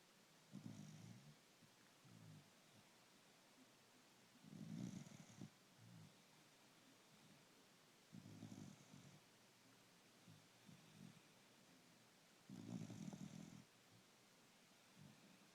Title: Snoring puggle